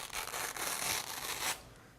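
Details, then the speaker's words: Imitated crackles (rales): a dry, rasping crackle like velcro unfastening, heard on inspiration, suggesting fluid in the alveoli from heart failure, venous congestion or pneumonia; abnormal lung sound. "sound a little bit like that and their inspiratory breath sounds crackles that suggested there's fluid in the alveolar sacs either heart failure fluid venous congestion or serous fluid and pus in the case of pneumonia so when you hear crackles in the lungs that's abnormal"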